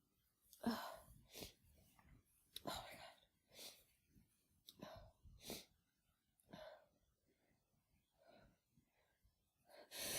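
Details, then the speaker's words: Woman with a head cold sneezing after using chhinkni (sneezing powder): a series of forceful, breathy sneezes with sharp inhalations between them. "Oh, they're so strong."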